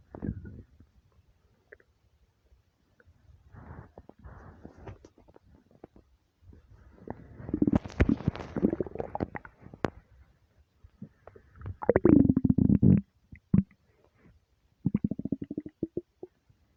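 Long, deep gurgling rumbles and squeaky gassy bursts with quiet gaps, loud stomach growling from an empty stomach, a normal finding.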